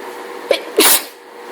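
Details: Person in a full allergy fit from hay fever, sneezing repeatedly: a quick catch of breath, then one forceful, explosive sneeze; allergic sneezing.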